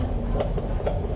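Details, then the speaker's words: Fetal heartbeat on Doppler aboard a rescue boat, possibly one of the women six to seven months pregnant never before seen by a midwife; rapid, regular, strong whooshing pulses with normal rhythm over engine rumble; normal fetal heartbeat. "very healthy and strong heartbeat normal rhythm"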